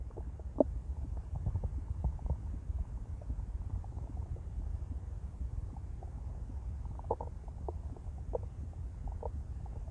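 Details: Female after an 18-hour fast: low, continuous rumbling with scattered soft gurgles and pops, stomach growling on an empty stomach.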